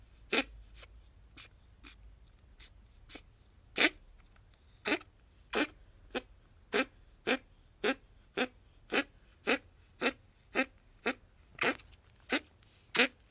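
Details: Long run of short, dry, sharp coughs or hacks from a female ferret, about one a second, coughing since mid-May; owner hopes it is a cold or hair stuck during shedding, suspects bronchitis.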